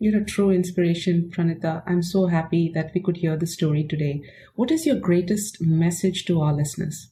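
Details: Adult female speaker; normal voice.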